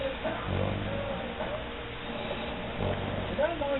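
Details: Low, rumbling snoring from a sleeping dog with faint background noise: ordinary dog snoring.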